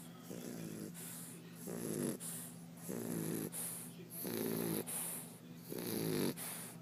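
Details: A sleeping English Bulldog gives loud, rattling, snorting snores in a steady rhythm, with a raspy airy hiss on each breath; snoring.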